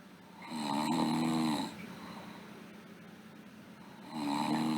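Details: Sleeping girl: buzzing, slightly tonal snores on breathing in with a quieter breath out between them, over steady room hiss; snoring.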